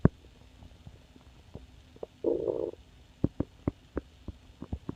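Quiet gurgles and pops with one brief louder rumbling growl, the sound of an empty stomach growling from hunger.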